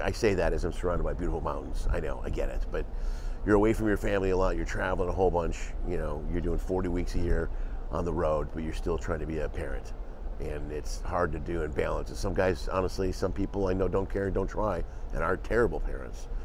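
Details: Adult male speaker; Typical speech.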